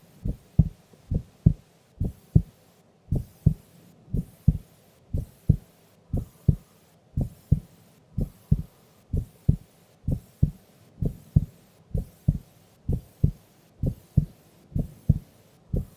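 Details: Sleeping adult female's heartbeat recorded during an afternoon nap: steady paired low thumps at about 70 beats per minute in a regular rhythm; normal heart sounds.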